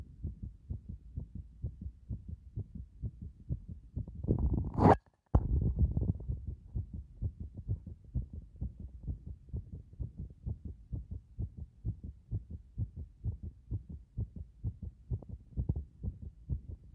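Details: Normal heart sounds heard through a stethoscope at various chest positions: regular heartbeat thumps at about 65 beats a minute, with a brief scrape as the chest piece moves.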